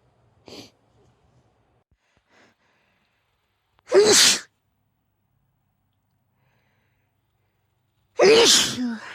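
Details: Female: a faint early burst, then two loud voiced sneezes a few seconds apart, each with a sharp explosive release, in a quiet room.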